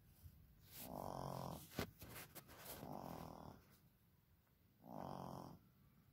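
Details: Three rhythmic, rattling, buzzy snores roughly every two seconds, with a few soft clicks between them, from a sleeping young child recorded in the past: ordinary snoring.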